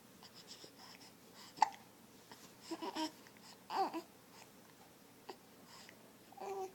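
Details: Young child named in caption; babbling between short, sharp hiccups, about two in under seven seconds.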